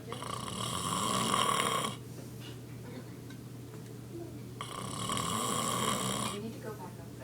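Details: A snoring father, about to be woken: two loud, rasping inspiratory snores separated by a quiet pause, with a steady room hum.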